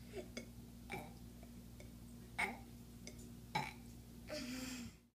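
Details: Several short throaty burps over a few seconds, with a longer one at the end, over faint room hum. Burping.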